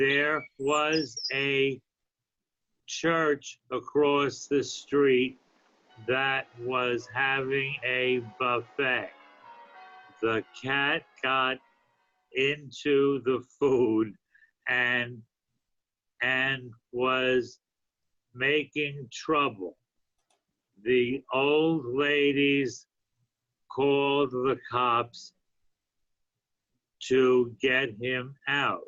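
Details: Adult man with aphasia after a stroke a few years earlier, reading aloud a story he wrote in an intensive reading and writing therapy program; aphasia.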